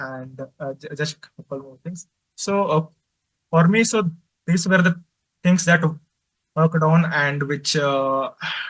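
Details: Man who stutters, presenting for a stammering association at a stuttering conference; he reports difficulty speaking, especially with different people; real stuttering.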